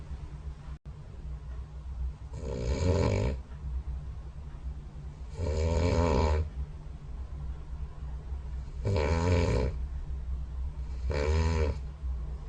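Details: Snoring recorded overnight by a phone snore-tracking app beside the bed during sleep: loud low fluttering snores on breaths in, about 18 a minute, over steady room hum.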